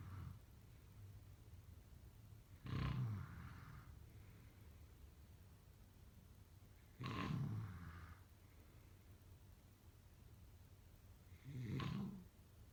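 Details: Three deep, rough snoring breaths about every 4.5 seconds, roughly 14 a minute, over quiet room noise.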